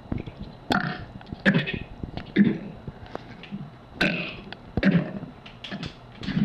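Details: Girl deliberately burping the alphabet: repeated loud voiced belches, about five in six seconds, shaped like spoken letters.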